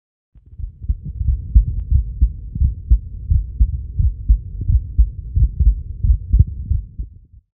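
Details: Normal heart sounds recorded with a Skeeper digital stethoscope, the patient self-measuring under a doctor's real-time guidance: regular low heartbeat thumps at about 88 per minute.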